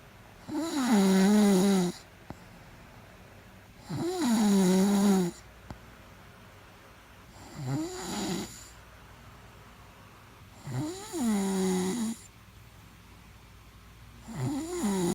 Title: Woman snores loudly keeping the husband awake! But the husband has a YouTube account!